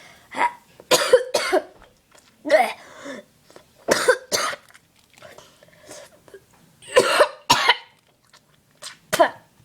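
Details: Repeated harsh cough bursts in clusters, about eight to ten coughs over ten seconds in a quiet room; an intense coughing fit.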